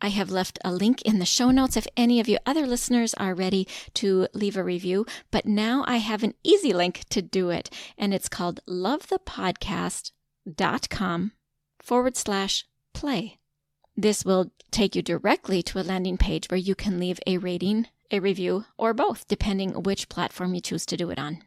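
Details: Adult female speaker; typical speech.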